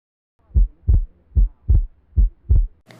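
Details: Cardiac auscultation teaching demonstration by medical students: three clear lub-dub beats at about 75 a minute, with normal first and second heart sounds.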